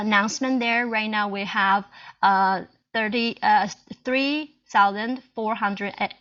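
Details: Adult Chinese woman who stutters, a self-help group co-founder, presenting in English at a stuttering conference; audible repetitions; stuttering.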